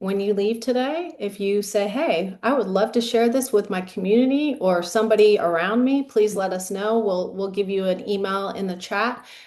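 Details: Adult woman speaking; normal speech.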